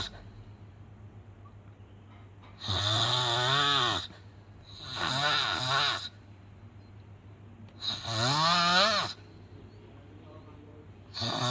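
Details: Person snoring badly during sleep: loud, rough, vibrating breaths about every 2.7 seconds, roughly 22 a minute, separated by quieter pauses; heavy snoring.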